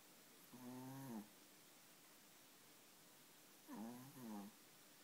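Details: Mighty snoring: two brief voiced, rattling snores on inhalation, separated by a quiet pause, in a quiet room; ordinary snoring.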